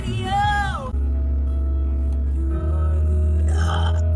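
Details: Young woman doing a deliberate pre-gym burp challenge before leg day: a short, loud, pitched burp followed by steady background music.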